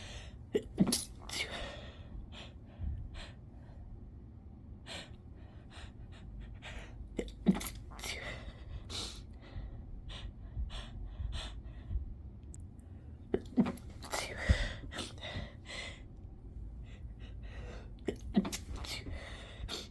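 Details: Repeated stifled sneezes with nose pinched, held back until unable to resist: short, muffled bursts with catching breaths between, sniffling, ending in big wet sneezes.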